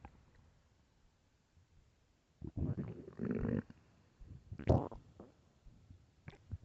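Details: Loud hunger stomach growling: quiet room, then several loud gurgling, rumbling bursts with a sharper squelch near the end; borborygmi.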